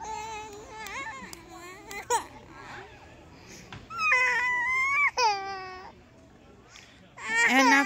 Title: Crying baby